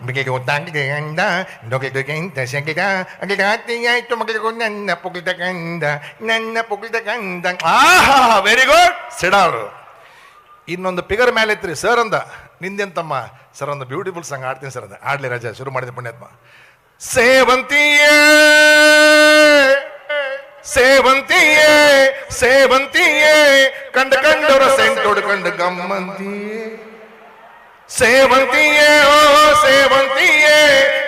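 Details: Comedian imitating a schoolboy who sings with faltering or lisping speech (todalu) in a comedy act; speech sound disorder (imitated).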